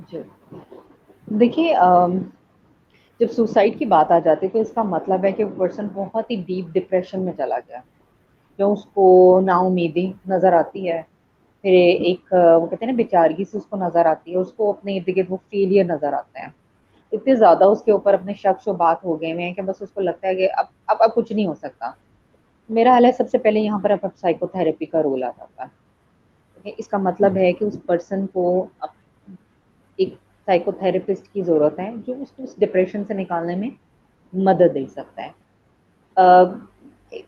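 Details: Adult woman speaking Hindi; typical speech.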